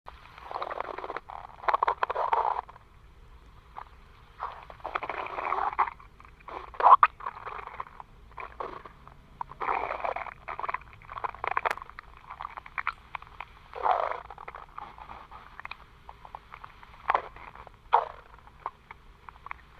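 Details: Stomach growling (borborygmi): irregular gurgling and rumbling bursts separated by quiet gaps.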